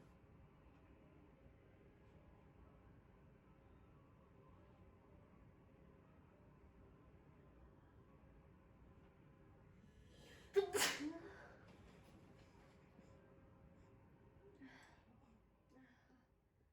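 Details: Nose-cleaning ASMR session in which the friend failed to sneeze: after a long quiet stretch, one sharp sneeze, followed by faint breathy sounds.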